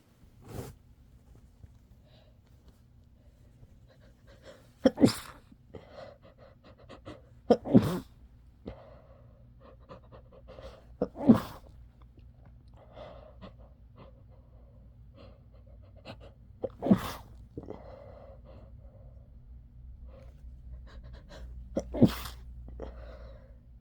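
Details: Adult gives a series of sharp, explosive sneezes with quieter sniffing and nose-blowing sounds between them; sneezing and nose blowing.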